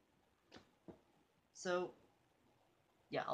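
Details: Person demonstrating how to fake a sneeze discreetly, napkin in hand: two soft catching breaths, then a brief muffled voiced burst and a short hissing release; fake sneeze.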